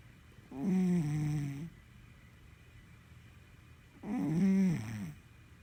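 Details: A sleeping Sphynx cat gives two low, rattling snores, each about a second long, in a quiet room; snoring.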